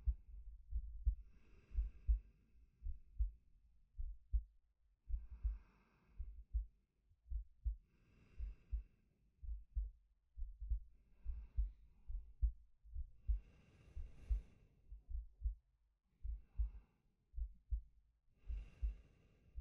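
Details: Soft, slow heartbeat at roughly 55 beats a minute under quiet, slow breaths, recorded from a male as a sleep-aid ASMR; a calm, normal heartbeat with ordinary breathing.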